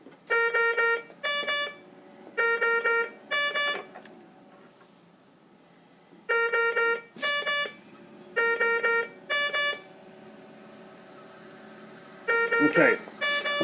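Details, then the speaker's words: Avea mechanical ventilator just switched on during pre-use setup and testing with circuit attached: repeating bursts of loud electronic alarm tones in groups before alarm silence is pressed; ventilator alarm. "to hit alarm silence so we can not have to listen to that alarm"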